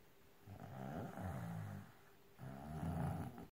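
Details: Young child, stated as 5 years old and also as 4, snoring loudly: low, rough, rumbling snores on the in-breath, two in a few seconds, in a quiet room.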